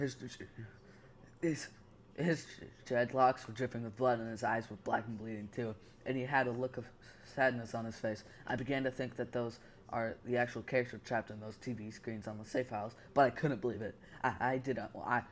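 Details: Stuttering in a male narrator reading a story aloud, who says his stutter is getting kind of bad.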